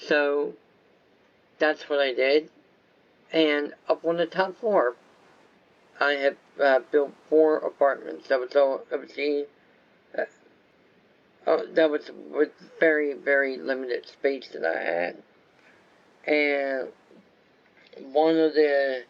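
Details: Adult male whose viral meningitis with very high fever at about six weeks old affected walking, talking, eyesight and hearing; lifelong speech impairment after infant meningitis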